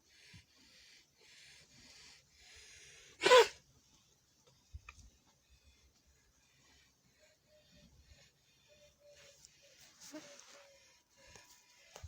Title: A cow with Viral Pneumonia notice the dry cough #vet #cattle #pneumonia #cow #virus #drvet